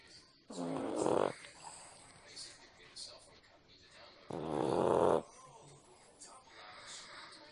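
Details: Munchkin, fallen asleep on the recorder: two loud, low, buzzing snores several seconds apart, roughly 16 a minute, over quiet room noise; ordinary snoring.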